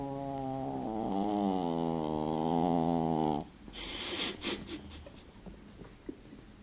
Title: Snoring banshee